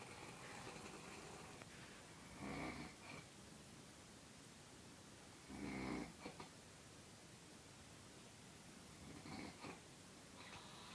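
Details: Snoring: three long, rough snoring breaths spaced a few seconds apart, about 19 a minute, over steady room hiss.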